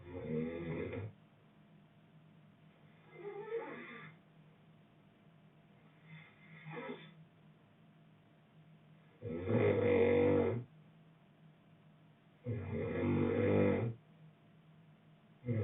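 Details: Boyfriend snoring: rattling snores on inhalation with quieter breaths between, about four cycles in fifteen seconds.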